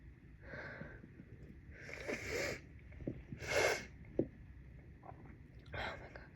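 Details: Person with a cold, very congested, unsuccessfully trying to induce a sneeze: several wet, noisy nasal blows, sniffles and snorts through a blocked nose, with one sharp sneeze-like burst; snorting.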